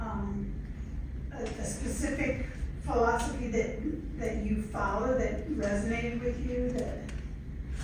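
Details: Adult female speaker; Normal speech.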